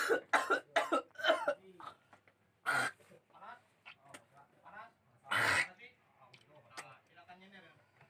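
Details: Several harsh, loose, wet rattly coughs and throat clearing, amid quiet background voices, during nasal "gurah" alternative treatment meant to bring up phlegm and mucus; productive cough.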